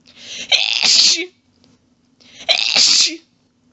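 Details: Sneezing from a woman in a long fit of rapid sneezes she can't stop. Two forceful sneezes about two seconds apart, each with a short in-breath before a sharp hissing burst.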